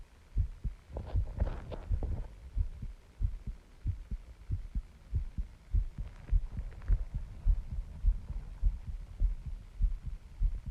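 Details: Self-recorded heartbeat while the person feels the heart pounding: steady, regular low double thumps at roughly 100 beats a minute, a normal, slightly fast heartbeat.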